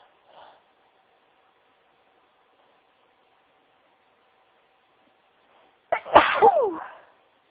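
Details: Person sneezing; a faint sound, then quiet, then one loud open sneeze with a sharp intake and explosive release.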